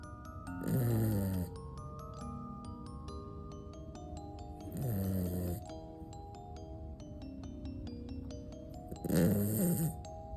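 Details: A small sleeping pet dog, tagged as a toy poodle, gives three rattling snores, about 14 a minute, over soft music-box background music; ordinary snoring.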